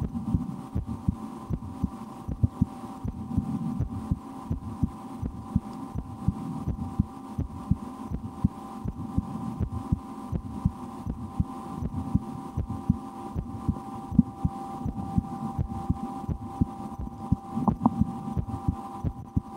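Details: Own heartbeat recorded through a stethoscope for relaxation, at times holding breath or playing a game to raise the rate, after a restaurant lunch; steady muffled thumps with constant hum and rustle behind; normal heart sounds.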